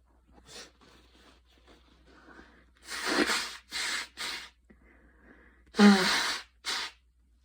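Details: Light cough after a ~10-minute super fast run in light rain: several short, breathy coughs between quieter breaths; mild post-exercise cough.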